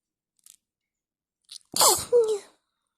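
Quiet sniffs, then a sharp inward gasp and a forceful, wet-sounding two-part sneeze.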